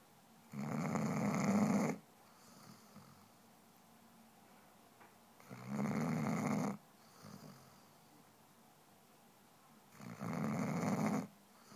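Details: Loud, rattling snores on each in-breath, about 13 a minute, with quiet pauses between, from Daisy, a sleeping basset hound; snoring.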